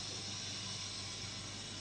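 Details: Steady, even hiss with a low hum underneath from a suction unit switched on for a suctioning skill demonstration, first suctioning sterile water, before oral or nasal suctioning to the trachea.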